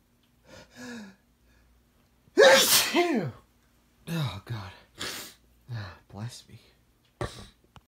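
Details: Male lying in bed just after waking, deliberately making himself sneeze: one loud explosive sneeze preceded by a sharp inward gasp, followed by a few short voiced sounds and breaths.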